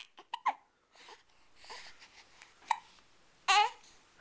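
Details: Several short, sharp hiccups from a 7-week-old infant, with soft breathing and small vocal noises between them; ordinary infant hiccups.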